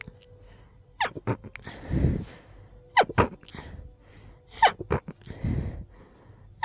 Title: Stifled, rapid sneezing fit